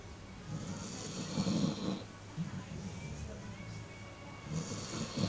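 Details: A sleeping puppy snoring loudly enough to be heard from another room: soft snuffling snores over steady background noise.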